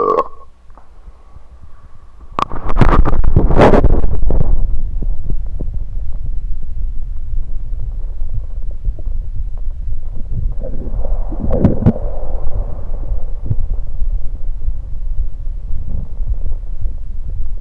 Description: Today's video, I record my tummy as I drink some Sunkist sodapop and burp.